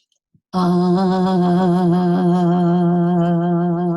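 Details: Vocal tremor in a female patient with hoarseness complaining of an unsteady voice, sounding like an involuntary vibrato; rhythmic oscillatory laryngeal motion.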